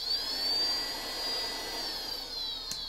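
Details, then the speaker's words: Low-cost open-source ventilator-style device in BiPAP mode: steady motor whine rising and falling as the blower cycles between faster speeds up to about 20 cm of water pressure; the pressure profile is software-programmable. "again that pressure is programmable so this profile and this speed can be completely changed with a simple Arduino IDE"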